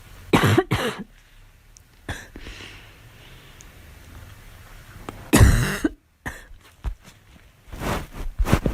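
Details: Girl's voluntary, performed coughs: short bursts of coughing with throat clearing between them in a quiet room.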